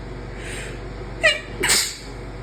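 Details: Deliberately induced sneeze: a short catch of breath, then a quick, muffled sneeze over steady background hum; sneeze.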